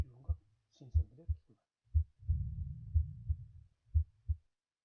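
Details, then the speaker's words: Simulated auscultation training system with heart sounds switched on: regular low heart sounds near 60 per minute with soft vesicular breath sounds between them, heard over cardiac areas; normal heart sounds with vesicular breath sounds. "この状態で聴診しますと、心臓の心音が聞こえるエリアでは、心音と肺音が両方聞こえる。"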